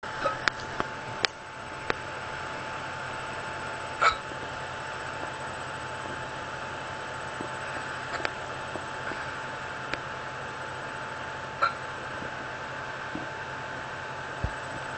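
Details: Hiccups at night after eating many spicy foods at dinner: a few brief, sharp, spaced catches of breath in a quiet room, in a poor-quality recording.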